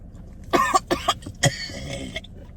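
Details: Simulated cough in a prank: several short, harsh cough bursts then a wet, sputtering sound, acted as coughing up fake blood; deliberately faked, not a real illness.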